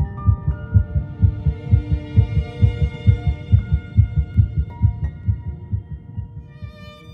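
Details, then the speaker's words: Rapid, regular whooshing heartbeat of about 133 beats a minute over soft background music, picked up by ultrasound and presented as an embryo's heartbeat, detectable at three weeks and one day (22 days) after fertilization. "at three weeks in one day just 22 days after fertilization olivia's heartbeat can be detected"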